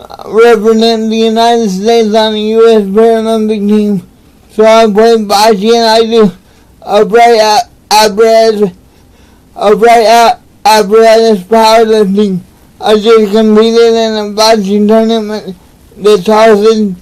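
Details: Adult man with cerebral palsy, real patient; dysarthria (cerebral palsy).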